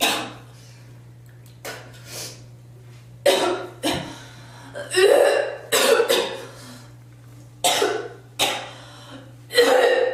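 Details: Girl coughing and spitting: repeated coughs and throat clearing, about eight bursts over ten seconds, some harsh and wet-sounding, over a steady low room hum.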